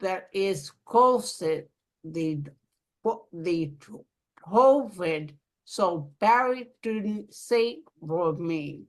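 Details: Aphasia in an adult woman following a stroke; aphasia.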